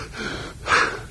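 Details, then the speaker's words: Imitated asthmatic labored breathing: effortful breaths with forceful airy exhalation mimicking lower-airway bronchospasm, contrasted with audible upper-airway wheezing (stridor) of laryngospasm in an emergency-medicine teaching case of chest tightness and mild breathing difficulty. "that sounds like someone who's struggling with asthma"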